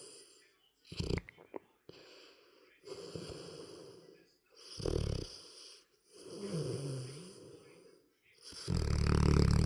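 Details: Large 9-month-old sleeping in contorted positions, snoring: rough rattling, vibrating snores with snorts and a faint whistling tone during breaths; snoring.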